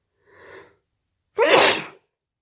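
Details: Sneezing induced using a CD (part 2): a short in-drawn breath, then one sharp, explosive burst of air; a single sneeze.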